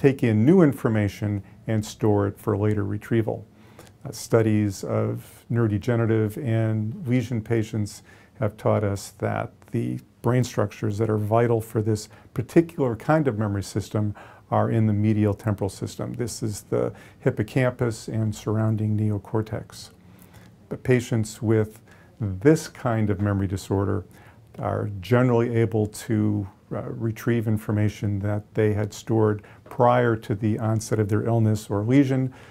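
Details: Adult male lecturer; normal speech.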